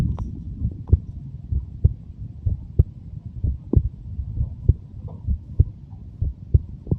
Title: 23 year old heartbeat sound